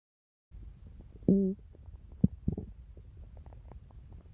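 Low gurgling rumbles with a brief squeaky tone and a few pops: ordinary stomach growling from gas and fluid moving through the gut.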